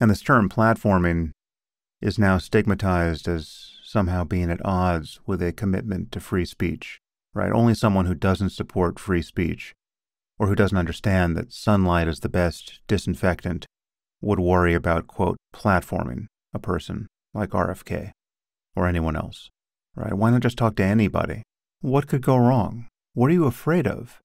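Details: Adult male speaker; normal speech.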